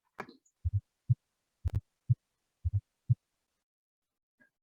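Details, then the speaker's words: Heart auscultation for large-animal veterinary examination: low heart thumps in three-sound groups, about 60 per minute, with extra sounds instead of two; gallop rhythm. "This is the gallop sound. Ini suara-suara yang mungkin Anda temukan pada pemeriksaan jantung by auscultation of the heart."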